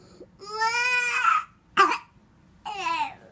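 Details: 2.5-year-old child with bad breathing and cough before bronchoscopy, at bedtime: three loud, strained crying bursts with brief pauses between them in a quiet room; crying.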